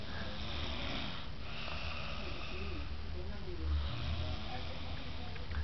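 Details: Young woman passed out in bed after a night of drinking, snoring: loud, low rumbling breathing noise throughout with a faint hiss, likened to a bulldozer.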